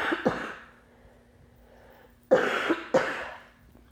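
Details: Four short, harsh coughs in two close pairs, with a faint steady hum in a small room; much coughing while recording a small commissary grocery haul in Osan, South Korea.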